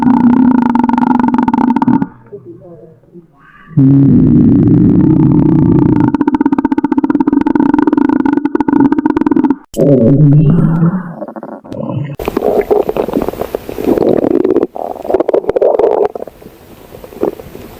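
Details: Stomach growling from a puppy's belly, heard close up: loud, drawn-out low rumbling and gurgling with shifting pitch; normal borborygmi.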